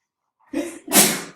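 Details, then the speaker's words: A single sneeze in a small quiet room during a math class recording: a short voiced intake, then a loud, hissing, explosive burst that fades quickly. "Bless you. You're going to be sneezing so many times. People are going to rewind this and then play it back just to hear you sneeze over and over and over."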